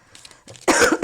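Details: A woman coughs and apologises mid-speech, saying she has lost her voice completely: cough.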